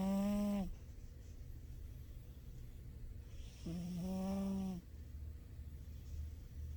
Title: my cat snoring! turn up the volume! #cat #funnycats #silly #cat #cats #sleeping